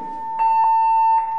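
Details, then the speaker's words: AED (CardioAid-1) instruction: after rhythm analysis advises a shock, device says don't touch the patient, press the flashing button; a steady, high electronic tone with brief louder bursts during shock delivery. "počkáme kým prístroj vyhodnotí či sa ide podávať výboj alebo nie odporúča sa použiť výboj nedotýkajte sa pacienta stlačte blikajúce"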